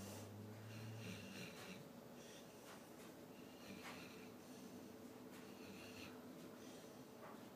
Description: My dog snoring